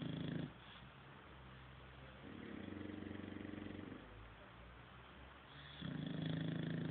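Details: Loud, rattling snores from two sleeping bulldogs taking turns, about 17 a minute, with softer breathing noise between them: snoring.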